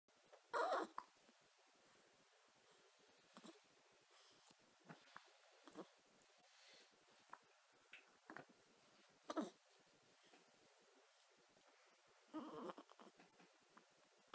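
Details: Soft, short, abrupt catches recurring every few seconds in a quiet room; hiccups.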